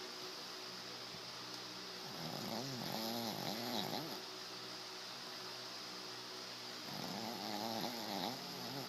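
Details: Sleeping dog snoring, likened to a hog, while making chewing motions like a cow chewing its cud, with eyes crossing: two slow, rattling snores with a wavering pitch, a few seconds apart, over room hum; snoring.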